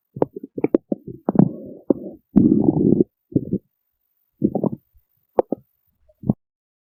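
Loud gurgles, squeaks and a drawn-out rumble with silent pauses between, a growling stomach.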